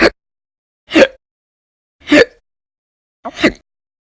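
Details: Audio-only recording of persistent hiccups described as violent and loud, in a January 2020 series after bouts lasting many hours a day in late December 2019: sharp, abrupt vocal hics about once a second with silence between.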